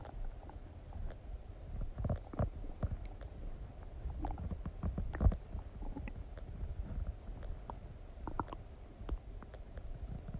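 Low gurgling and rumbling with scattered clicks and brief squeaks over about ten seconds: ordinary active bowel sounds after eating.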